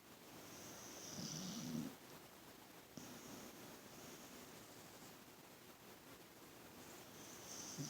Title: Beagle Snoring ❤